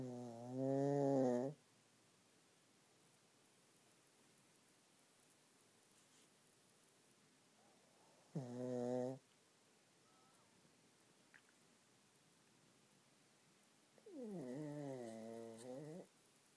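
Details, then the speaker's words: Sleeping pug: three loud, buzzing, whistling snores with long quiet gaps, about eight breaths a minute; noisy snoring of a flat-faced dog. "Ziggy. Ziggy, wake up. Ziggy. Ziggy. Wake up, buddy. You're snoring so loud."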